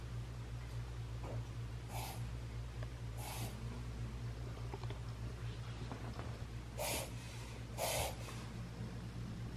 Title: Life with a 12-year-old cockapoo: Dog has short and quick breathing? It is reverse sneeze!